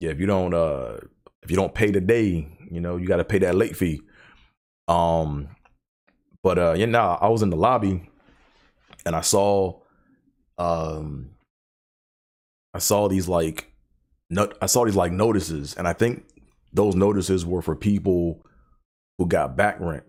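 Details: Adult male who has stuttered since childhood and still stutters daily; restarted phrase and pauses; stuttering.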